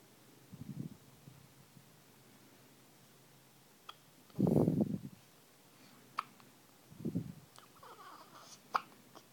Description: There are not many things cuter than baby hiccups